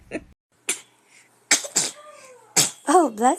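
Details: Several quick, high-pitched little bursts, including a couple of small baby sneezes, with a brief babyish squeal near the end; sneeze.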